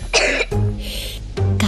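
A child's acted cough: one harsh burst, then voiced coughing or throat clearing, over soft background music.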